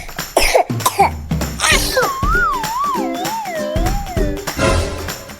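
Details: An acted child's cough with flu, about three short bursts, followed by a sliding whistle effect over music.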